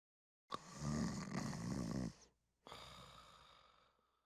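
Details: Father's snoring: a loud, rattling snore on the inward breath, then a softer outward breath; ordinary snoring.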